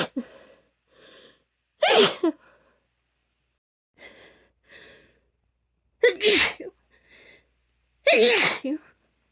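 Three forceful sneezes, each after quick gasping in-breaths, about one every two to three seconds; allergy sneezing.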